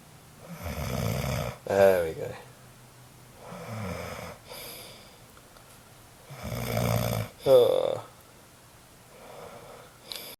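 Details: Person sleeping in a shared room: loud, rattling snores on each breath in, quieter breaths out, about two cycles in ten seconds; snoring.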